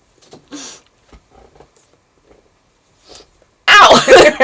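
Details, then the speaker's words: Quiet catching breaths and small half-sneezes with a burning nose and watering eyes, ending in one loud full sneeze, set off by deliberately inhaling pepper during a sneeze challenge; sneeze. "Oh my god, it hurts. It burns. Oh, it burns. My eyes are wide. I almost sneezed. It was a half sneeze."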